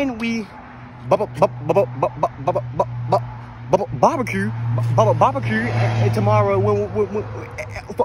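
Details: Imitated stuttering, acted in a comedy skit portraying a friend who always stutters while telling a story.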